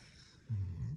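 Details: Dog snoring while asleep, heard in the background.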